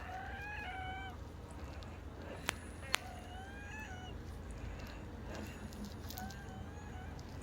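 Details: Person who says they are wheezing: high, musical whistling tones recur about every three seconds with breaths, typical of narrowed airways; wheezing.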